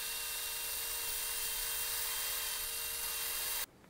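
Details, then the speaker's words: Hammertoe correction: a powered surgical reamer, convex end, prepares the base of the middle phalanx for a DynaNite PIP implant with FlexWire. Steady high-pitched whirring for about three and a half seconds, then stops. "so now we're going to go ahead and use the convex end of the corresponding reamer to prep the base of the middle phallics"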